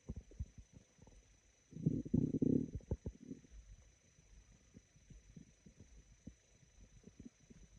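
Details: Quiet, scattered, very sparse low gurgles with a louder raspy rumble midway from the stomach; stomach growling (borborygmi).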